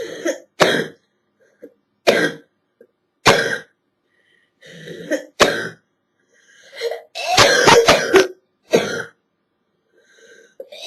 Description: a compilation of a girl’s nasty hacking cough from a chest cold